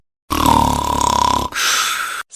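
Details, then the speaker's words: Cat snoring: a buzzy, rattling breath sound with a rough fluttering quality, then a smoother exhale. "Stop snoring, Steve. A cat snores. Good news, cat snoring."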